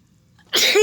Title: Watching the hummingbird (i sneezed on camera)